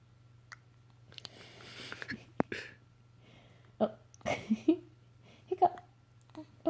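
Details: Several short, abrupt, gulping catches of breath at irregular intervals over a steady low room hum: a bout of hiccups.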